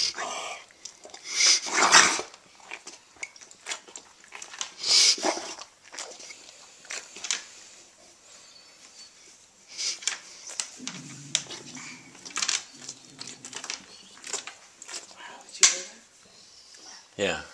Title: Bud 2010-12-04 reverse sneeze